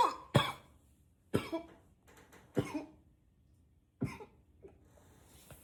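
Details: Deliberately acted coughing: five harsh, throat-clearing coughs with pauses between them, some pushed into a deeper voice; cough.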